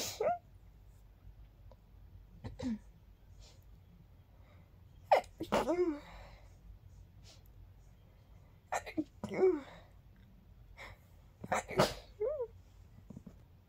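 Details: A run of about five short, small sneezes with quiet pauses between them in a quiet room; sneezes described as girlier than expected; sneezing.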